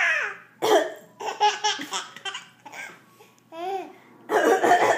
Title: Funny Baby, coughing humor